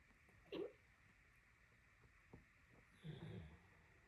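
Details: Sleeping Great Dane snoring during a nap, once for about 30 minutes straight: a brief snort, then a low fluttering rumble over quiet room noise.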